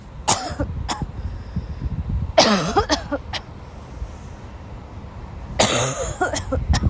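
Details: Repeated harsh cough bursts in clusters, about six coughs with throat clearing between, from a sick young woman who had to leave class, woke up ill with sore throat; coughing fit.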